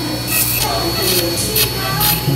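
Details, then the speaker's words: Electrosurgical diathermy in coagulation (spray/fulguration) mode cutting non-fat tissue in the submental triangle during a radical neck dissection: constant electrical buzz with short crackling, hissing bursts. "I'm pulling it, and I'm using the quag current, the spray mode. See how it cuts a little differently from the other tissues."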